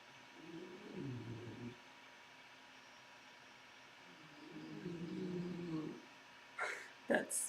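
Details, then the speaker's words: Two sleeping dogs in a quiet room giving low, rumbling snores, followed by brief knocks. "of my I think that's both of these dogs snoring as you can hear"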